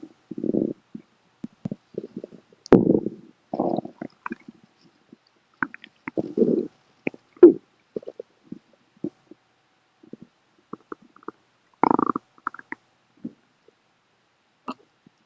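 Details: Pet rabbit recently discharged from hospital, stomach growl: soft, scattered gurgles and squelches with quiet gaps; ordinary borborygmi.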